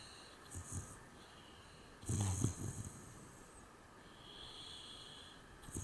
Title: my little piggy was snoring